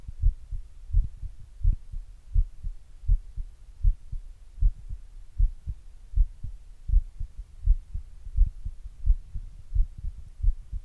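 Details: Own heart recorded at rest before exercise with an earbud mic and a glass; normal heart sounds at rest.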